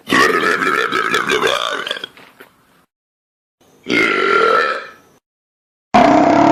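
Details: Loud burp compilation: three loud, drawn-out belches with short pauses between them; burping, air brought up from the stomach.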